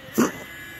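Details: Pug (small dog): a single short, harsh cough over faint room noise; dog cough.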